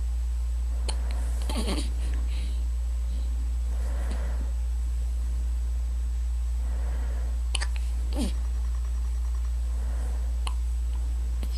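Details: Faint, brief abrupt catches at irregular intervals over a steady low hum; a few hiccups.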